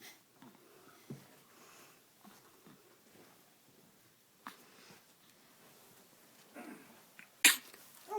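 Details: A young boy gives a few brief, abrupt catching sounds: a bout of hiccups.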